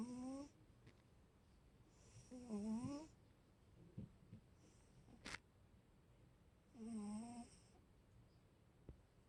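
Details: Sleeping cat snoring: three soft, whistling snores about every two to four seconds, each with a slightly wavering pitch.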